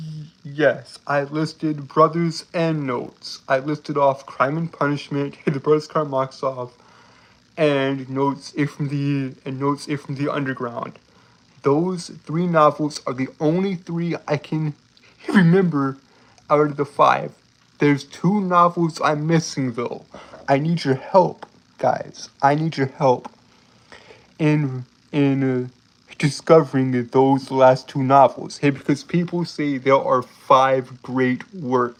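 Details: Adult male with a lifelong speech impediment that makes him stutter and trip over his words, heard stuttering in casual talk; stuttering.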